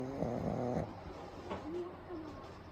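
Low, rattling snore on the breath in, then quieter wheezy nasal breathing; loud snoring from a sleeping pug.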